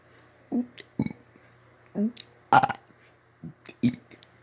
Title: burping part 5